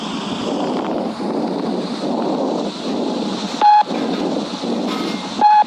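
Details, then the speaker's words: Normal tracheal breath sounds heard by stethoscope: loud, harsh, hollow breathing, with inspiration and expiration about equal in length. "मतलब की सात अंदर खींचने और बाहर फेंकना तो इन दोनों की लेंथ रहती है वो इक्वल रहती है यहां पर समान रहती है तो यहां पर आप सन सकते तो ऐसी रहती है ट्रिकल साउंड"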